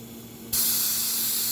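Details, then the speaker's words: Neptune high-power surgical suction machine set to 20 liters: low machine hum, then a sudden loud, steady hiss as strong suction starts at full power; surgical suction running. "you see how now it's in the 20 and it's making that noise because I left the other this thing right here it's making noise"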